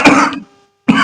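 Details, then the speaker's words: Two short, harsh bursts of coughing or throat clearing, a brief gap, then another burst, from an adult lecturer who says they are unwell because of bad weather. "Sorry मौसम खराब है भाई अस्वस्थ हैं थोड़ा सा हम इसलिए बार-बार आपको खांसी सुनाई दे रही है।"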